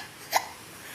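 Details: A child with hiccups, trying remedies such as holding her breath, gives a single sharp, abrupt hiccup, a brief voiced click against a quiet room background.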